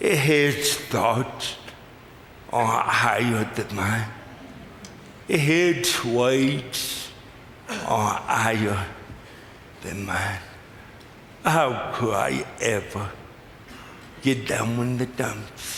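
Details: Adult man with lifelong cerebral palsy whose speech is dramatically affected and hard to understand at first, finding forming words the toughest thing; dysarthria (cerebral palsy).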